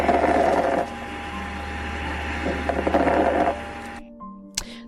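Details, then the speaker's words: Auscultation example of lung crackles heard at the lung bases in pneumonia: noisy breath sounds with fine crackling bursts over two breaths. "that's on auscultation what crackles can sound like, particularly in the base of the lungs."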